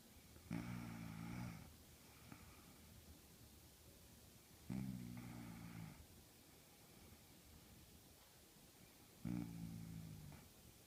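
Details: Three loud, low, buzzing snores about every 4.5 seconds, roughly 13 a minute, with quiet breathing between: snoring during sleep.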